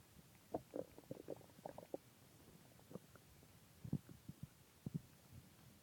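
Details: Irregular gurgling and bubbling bursts from the belly after eating a large pizza and two ice creams: stomach growling (borborygmi).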